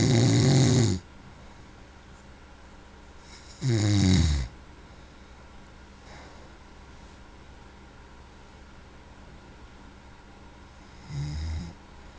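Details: Loud, low rattling snores with each breath, separated by quiet pauses, in a quiet room; snoring.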